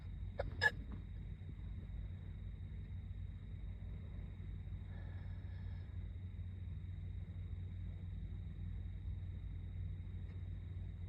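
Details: Person doing makeup in the car before school: two quick hiccups at the start, then steady low car engine hum with no further hiccups; hiccups.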